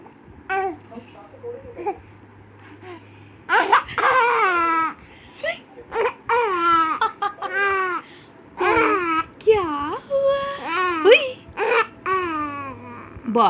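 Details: Baby laughing while hiccuping: bursts of giggling and squeals broken by abrupt hiccup catches, while an adult softly notes the hiccups and offers milk.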